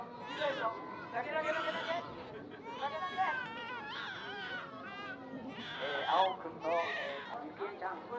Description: Dozens of bawling Japanese babies face off in a traditional "crying sumo" ritual believed to bring the infants good health, which returned for the first time in four years after the pandemic.